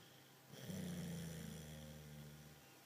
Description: The dog snoring and dreaming a bit